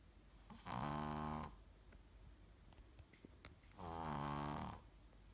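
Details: Sleeping female Brussels Griffon dog snoring: two loud, buzzing snores about three seconds apart, with a quiet pause between.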